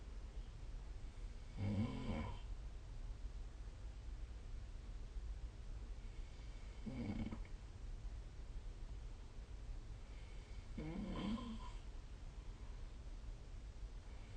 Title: 🐽 Snoring Sleep Sound / いびきの音2025/06/04